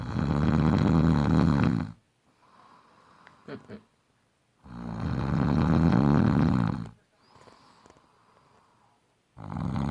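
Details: Adult man snoring in any sleep position (back, side, stomach), day and night: loud, rough, rumbling snores on each breath in, about two cycles with quiet exhales between; heavy snoring.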